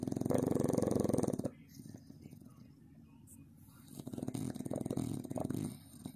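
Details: Staffordshire Bull Terrier pup snoring like a grown man.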